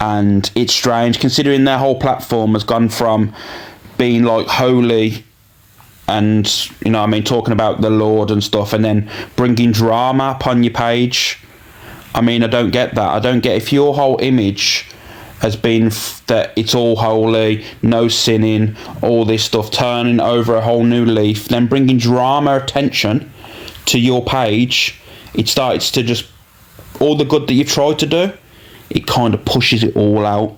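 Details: Adult male speaker; normal speech.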